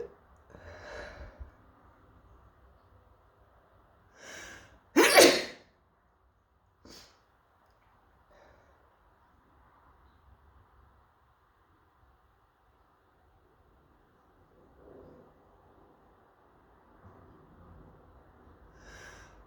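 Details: Single sneeze from a person who may be coming down with something: a sharp in-breath, then one loud explosive sneeze, with quieter breaths and sniffs around it.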